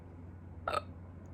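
A single short, sharp throaty hiccup against quiet room hum.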